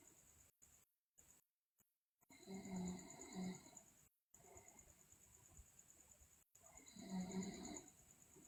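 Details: Two loud, rough, rattling snores on the in-breath over a steady high background hum; loud snoring in a sleeping girl.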